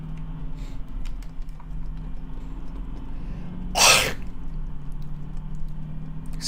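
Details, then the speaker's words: An adult who is a little sick with a hoarse throat sneezes during a long VR gaming session: a single sharp, explosive sneeze over a steady low hum of room noise. "Excuse me. I don't know why I just did that. My manners are going out the window. You'll have to pardon me. I'm a little sick."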